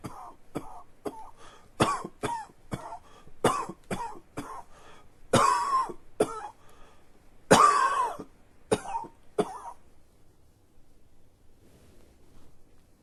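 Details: An adult with allergies gives a run of short, dry coughs and throat clears over about ten seconds; allergic cough.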